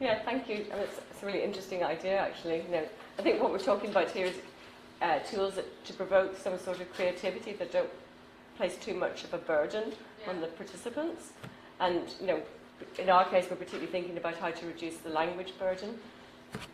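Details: Adult woman speaking; normal speech.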